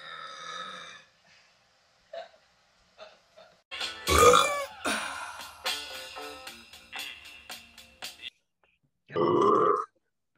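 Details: Several loud, drawn-out belches with background music; burping compilation.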